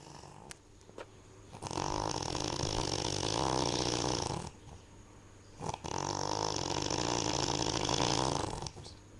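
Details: Two long, loud, fluttering snores about four seconds apart with quiet breaths between; remarkably heavy snoring.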